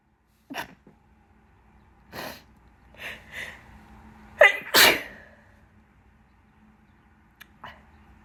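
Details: A run of sharp, wet-sounding sneezes and stifled sneezes in quick succession with quiet breaths between, with itchy nose during bad pollen season.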